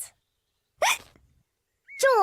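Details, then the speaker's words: Animated cartoon hiccups from a young character: short, abrupt, squeaky hiccup sounds spaced apart. "George, I know how to cure hiccups. You have to do what I say."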